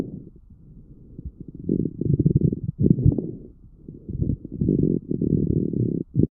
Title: Lung sound coarse crepitations #lunges #sound #Coarse #Crepitation